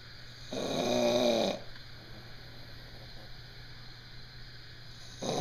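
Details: One long, groaning snore lasting about a second, then quiet with steady background hum and another snore beginning, from a man sleeping in army barracks: snoring.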